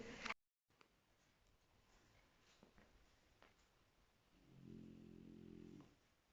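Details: Snoring from a sleeper in a car, likened to a little tractor; repeated rumbling snores.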